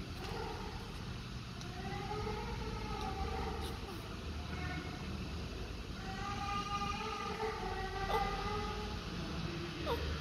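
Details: Repeated wavering cry bursts from a newborn baby over heavy low room rumble; a strong first cry just after birth.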